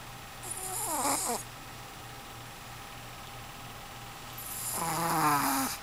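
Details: Very heavy snoring: two snores with a rattling, whistling quality and a quiet pause between them, over a low steady hum.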